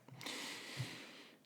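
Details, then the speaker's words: A pug snoring as usual: a single harsh, noisy breath of about a second with a low fluttering rumble partway through, in a quiet room; snoring. "no i just hear the the pug snoring as usual"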